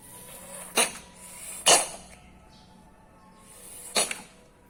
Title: Cats sleep well, wake up coughing